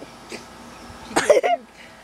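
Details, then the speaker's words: A brief run of three harsh, explosive expulsions from a cat bringing up a hairball, a hacking cough or sneeze-like burst, in a quiet room; cough. "are you going to puke stop it oh crap she's going to puke you're okay are you okay did you puke oh oh crap bless you she has a hair ball idiot a hair ball"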